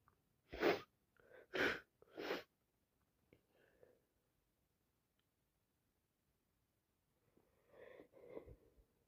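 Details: Person with a bad common cold, recorded in real time: three forceful, wet sneezes in quick succession, then soft sniffling and breathy sounds; repeated sneezing.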